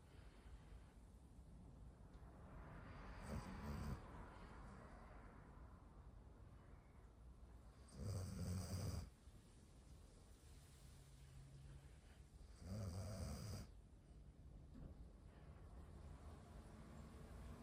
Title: Full Minute of Snoring - Golden Retriever